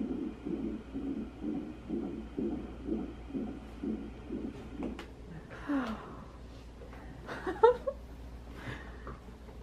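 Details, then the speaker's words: Fetal heartbeat heard on ultrasound at the week 6 scan after a scare in week 5. Rapid, regular whooshing at 123 beats per minute, a normal early-pregnancy rate. "it's pretty exciting, huh? 123 beats per minute."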